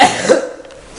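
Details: Teenager attempting the Cinnamon Challenge: a single abrupt, harsh, throaty cough burst that quickly fades.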